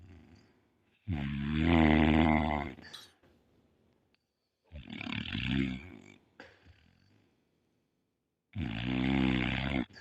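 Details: Sleeping pit bull dog snoring: three loud, rumbling, buzzy breaths a few seconds apart, each rattling on the way in.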